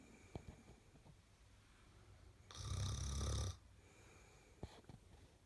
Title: Beautiful girl's snore